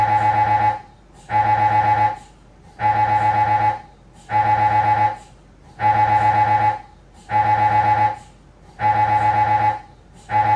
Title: 🧲 Avanto FIT Siemens Magnetom MRI Sounds Scanning Examination Spine Test